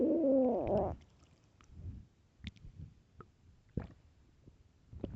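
A loud gurgling growl, then scattered soft bubbling and popping gut sounds, normal hunger stomach growling.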